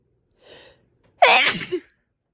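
A soft in-breath followed by one loud, explosive, spraying sneeze with a brief trailing voiced tail.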